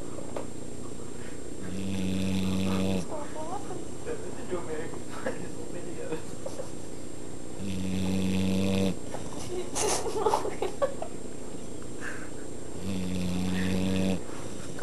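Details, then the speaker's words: Sleeping Pit Bull dog snoring: three loud, buzzing snores about five to six seconds apart. "snore like crazy. You hear when she blows up?"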